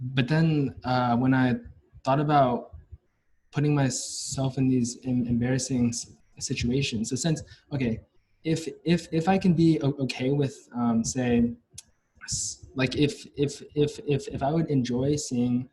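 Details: Stuttering in a young adult male university senior, onset at about age five or six, with blocks; his biological father and maternal grandfather also stutter.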